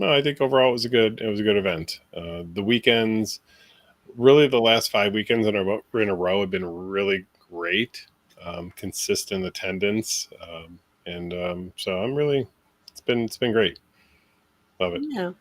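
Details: Adult man speaking; ordinary speech.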